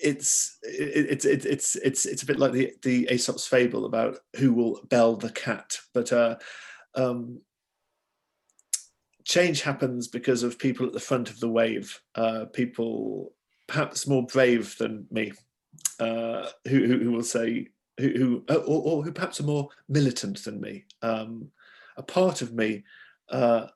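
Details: Adult man who has stammered since childhood, stammering mainly on s, hard c and k sounds and blocking on words, speaking in an online discussion: stammering.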